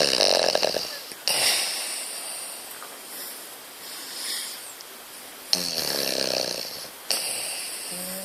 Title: French Bulldog Snore